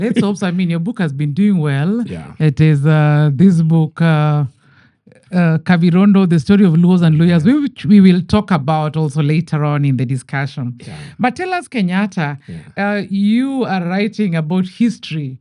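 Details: Adult woman speaking; typical speech.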